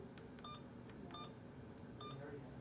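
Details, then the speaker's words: Three short electronic keypress beeps as a nurse programs an infusion pump for primary IV normal saline 500 mL at 125 mL/h, simulated nursing demonstration; quiet room. "so now I'm going to program the pump okay so I'm gonna hit channel select gargoyle IV fluids normal saline and then rate of 125"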